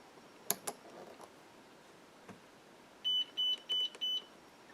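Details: A few soft clicks, then four evenly spaced high-pitched electronic beeps from a Zoll defibrillator in standard configuration with pediatric pads, energy default 20 joules.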